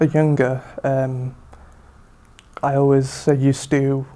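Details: Adult male speaker; stuttering.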